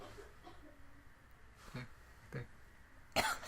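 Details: Brief voluntary coughs from an adult on request, the last one louder, in a quiet room with low background noise.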